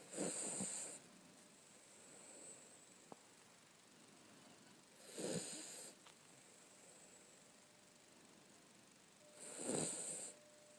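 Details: Dog snoring: three noisy, rattling breaths about four to five seconds apart over a quiet hiss, a brief part of snoring that lasted nearly 10 minutes.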